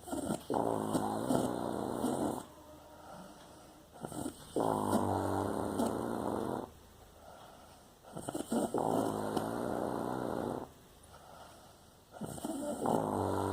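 Loud, rattling snores on each breath in, about four cycles over thirteen seconds, with quieter breaths out between them. Snoring.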